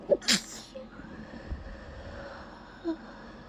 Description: i tried to continue holding back after the first sneeze, but i just couldn't